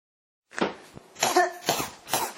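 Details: Person with a cough that won't stop: a quick run of four harsh coughs, one after another; repeated cough.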